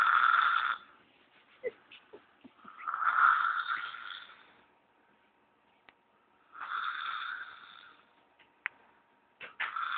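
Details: 7-year-old child sleeping soundly and snoring very loudly: three rasping, buzzy inhaled snores at about 20 a minute, with quiet pauses and small clicks between.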